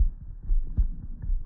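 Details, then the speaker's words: Low, soft lub-dub heartbeats recorded with an Eko smartphone stethoscope, which labels the rhythm as normal; normal heart sounds with no added sounds. "a normal heartbeat you can tell because it says normal up there but it also sounds normal"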